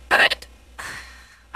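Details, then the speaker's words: AI-generated female character voice imitating hiccups, from audio where the original speaker says she is drunk and has hiccups: quick catching vocal bursts, then a breathy sound. "so I've run out of things to say I just like showing off my hiccups apparently"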